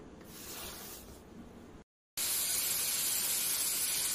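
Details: High-speed dental handpiece, a 1:5 increasing contra-angle with fiber optic, running: steady high-pitched hiss, then a brief silence and a louder, sharper continuous hiss.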